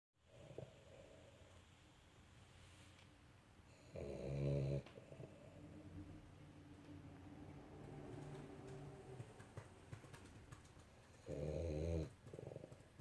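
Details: Small pet dog that snores all the time while sleeping: two loud, buzzing snores about seven seconds apart with quieter rattly breathing between; snoring in sleep.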